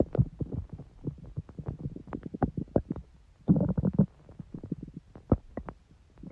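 Low bubbling rumbles and quick gurgling pops with a longer growl midway; ordinary bowel sounds of stomach growling.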